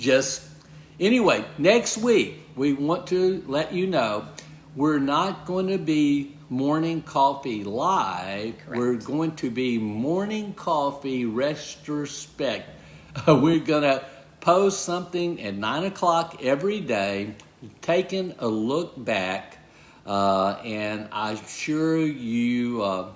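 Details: Man with aphasia who has word-finding difficulty and good and bad talking days, speaking; aphasia.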